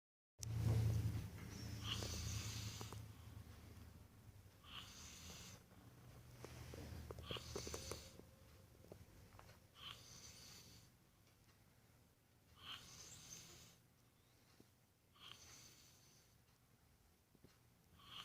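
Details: Baboon snoring: a loud low rumble opens, then repeated breathy, fluttering breaths at a steady sleeping pace.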